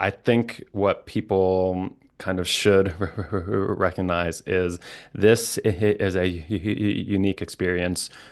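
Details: Adult male licensed speech-language pathologist who stutters, with repetitions and blocks, speaking conversationally: stuttering.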